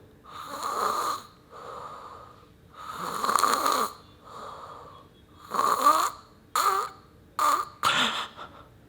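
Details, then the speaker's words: A child in sleep gives loud irregular snoring broken by short, abrupt gasping and choking snorts. This is obstructed breathing described by a paediatric pulmonologist as a sign of obstructive sleep apnea and not normal. "this is a gas pin choke that means your child is struggling during sleep so is this considered as normal absolutely no"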